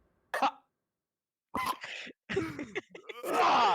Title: my friend coughs